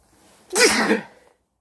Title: Sneezing while wearing a yellow jacket